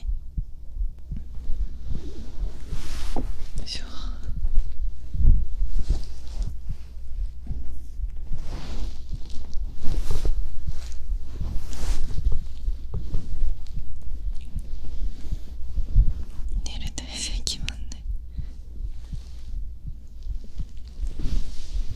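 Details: Binaural ASMR recording of a man's heartbeat as he lies beside the listener to co-sleep; stomach sounds may be included. Muffled, steady low thumps under a deep rumble with occasional bedding rustle. Normal heart sounds.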